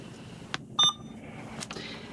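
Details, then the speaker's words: A single short, high electronic beep among soft clicks and room noise: an Alaris 8100 infusion pump module starting a normal saline infusion at a rate of 50, volume 450, after the roller clamp is opened. "We're going to open our roller clamp and then we're going to press Start."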